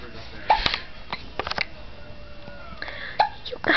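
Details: Baby girl with hiccups: short, abrupt gulping sounds recur among soft baby noises and room sound; infant hiccups.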